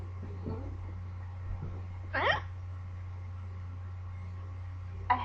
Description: D: they woulodnt go away.......yes...they are not normal hiccups? XDDD